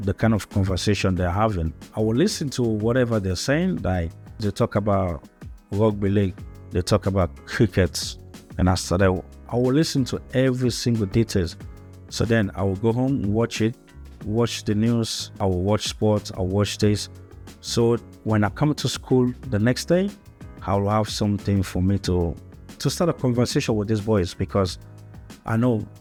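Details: Stuttering in an adult man who has stuttered since childhood in Africa and moved to Australia as a young boy; English is not his first language.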